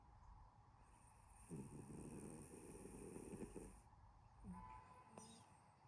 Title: my cat snoring for 10 WHOLE minutes 💤